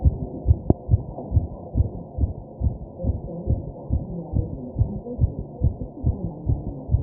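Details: Rapid, regular low heartbeat thumps, roughly 140 a minute, with muffled deep breathing and background noise; the recording person's own fast heartbeat while taking deep breaths (tachycardia).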